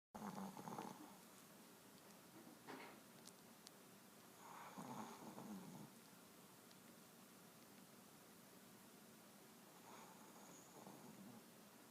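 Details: Lucy snoring: soft, rough snores at irregular spacing, about four in twelve seconds, over quiet room noise.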